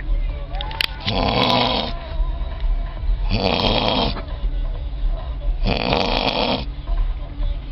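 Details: Man snoring heavily at a music festival; three loud, rough snores about two seconds apart, roughly 25 a minute, rattling flutter on each inhalation, steady outdoor noise. Snoring.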